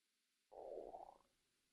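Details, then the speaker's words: Adult's stomach rumbling during a livestream: a low, gurgling rumble under a second, ordinary normal bowel sound. "my stomach is making noises. I hope y'all don't hear it."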